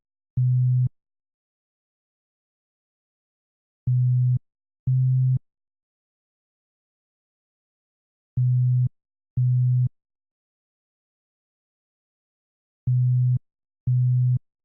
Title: Hearing Test 1 - 125Hz